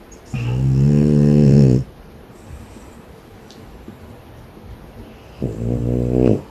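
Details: Loud, low, rumbling snores on each breath in, separated by quieter exhalation; snoring in a French bulldog, a flat-faced dog.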